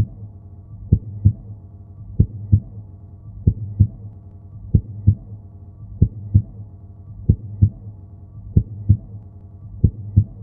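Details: Normal human heart sounds as a sound effect: slow, steady paired lub-dub thumps at about 47 beats a minute with a normal pattern.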